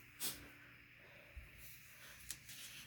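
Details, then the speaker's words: Dog sneezing twice: two short, sharp, airy bursts about two seconds apart against a quiet, hissing room background; sneezing. "hear the sneezing that's my dog releasing the nose demons right now"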